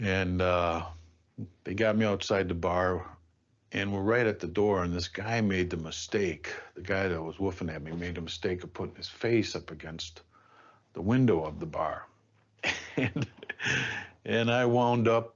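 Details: Adult man who stutters; stuttering.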